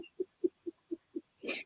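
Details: During a spoken conversation, six short, evenly spaced grunt-like sounds in quick succession, then a brief breathy burst; an involuntary vocal tic that the speaker attributes to Tourette's.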